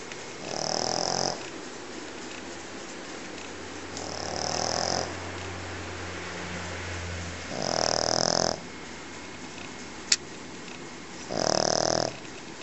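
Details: Pekingese dog snoring very loudly: a loud, snorting snore with a rough rattle repeats about every three to four seconds, with a softer whistling sound in between.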